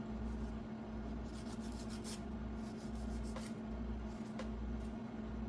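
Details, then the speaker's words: Foot care nurse's demonstration exam on an adult man: a file smooths sharp toenail edges after clipping, heard as soft repeated rasping strokes over a steady low room hum. "Okay. Now the next thing that I'm going to do is use the file to um file down any sharp edges, okay?"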